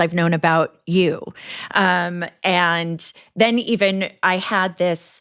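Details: Adult woman speaking; typical voice.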